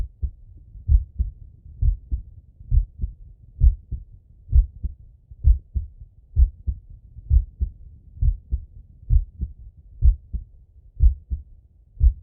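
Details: Male chest auscultation with stethoscope: steady, clean, regular paired heart sounds at about 65 beats a minute with faint breathing underneath; normal heartbeat.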